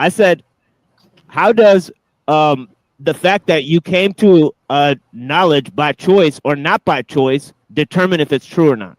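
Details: Adult male speaker; normal fluent speech.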